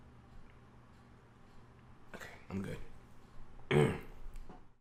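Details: Person sneezing very forcefully in a quiet room: a few sharp bursts of breath ending in a final loud, explosive sneeze.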